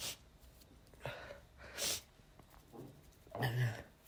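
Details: A run of about four loud, explosive sneezes with short gaps from a male who felt under the weather and induced the sneezing with chhinikkni; repeated sneezing.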